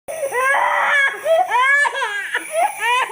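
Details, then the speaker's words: Infant crying loudly with rhythmic wails and brief breath catches during nebulizer treatment; crying attributed to the loud noise of large pharmacy nebulizer machines. "শিশু কি nebulise করার সময় অনেক বেশি কান্নাকাটি করে আপনি কি জানেন এই কান্নাকাটির কারণ"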